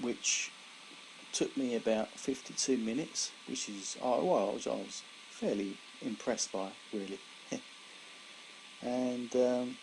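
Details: Adult man, about 17 years after a severe stroke in February 2001 affecting his right side and speech, still recovering after speech therapy; he reports slower speech than before; aphasia after stroke.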